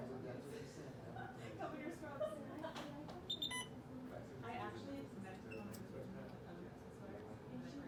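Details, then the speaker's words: Simulated nursing-skills demonstration: rapid electronic keypad beeps as an IV infusion pump is programmed for a 500 mL normal saline primary bag at 125 mL/h, with a secondary ceftriaxone piggyback at 200 mL/h, 100 mL to infuse, over room chatter. "okay so I'm gonna hit channel select gargoyle IV fluids normal saline and then rate of 125 volume to be infused 500"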